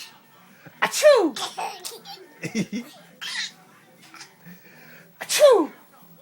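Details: Adult's deliberately faked sneezes, two sharp forceful bursts, performed to amuse a young child who giggles between them.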